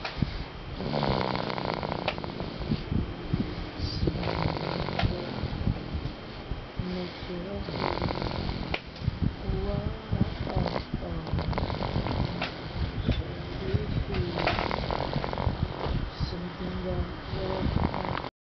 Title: Snoring baby